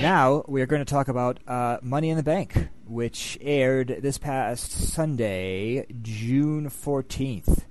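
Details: Adult male speaker; normal voice.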